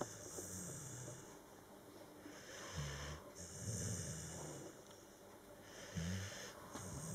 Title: Sleeping and snoring